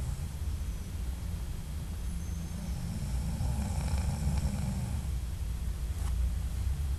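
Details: Adult man snoring during sleep at night, audio only.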